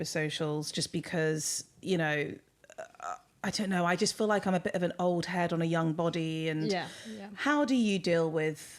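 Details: Adult woman speaking; typical speech.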